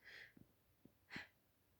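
Sharp, breathy inhaled gasps with a few soft catches in between, the build-up breaths before a sneeze.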